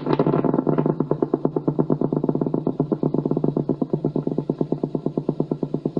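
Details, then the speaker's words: Needle EMG recording of spontaneous muscle fibre activity after nerve injury: low-amplitude, irregular fibrillation potentials and positive sharp waves that increase as the needle moves, sounding like rain on a tin roof. "they have a very low amplitude they appear irregularly on your screen and they increase in intensity As you move the needle has often been compared to the sound of rain on a tin roof"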